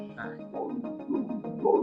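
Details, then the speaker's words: Colour Doppler ultrasound of a dialysis patient's arm arteriovenous fistula: loud, continuous whooshing flow with pulsing surges near the radial artery–cephalic vein anastomosis, very high flow. "অনেক বেশি sound থাকবে এবং floor level অনেক বেশি থাকবে"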